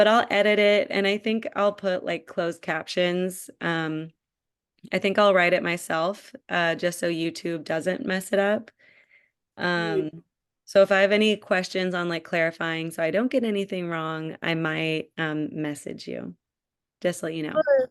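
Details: Adult woman speaking; typical speech.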